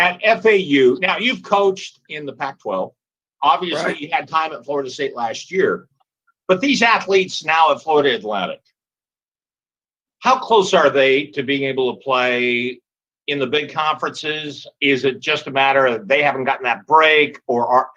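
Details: Adult male speaker; ordinary speech.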